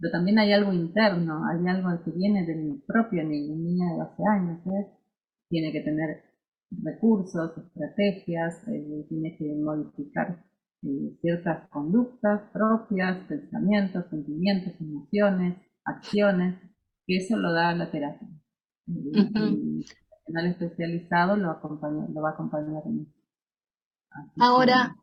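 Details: Adult speaker, Spanish; normal fluent speech.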